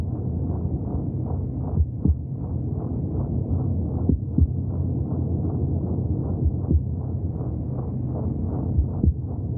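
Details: Steady, rapid swishing beats under a low muffled rumble: fetal heartbeat heard from inside the womb.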